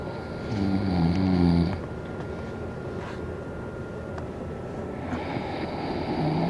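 A deep, rumbling snore over steady background hum, followed by quieter breathing and the start of another snore; snoring.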